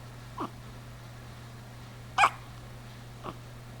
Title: Baby with Hiccups (Cute)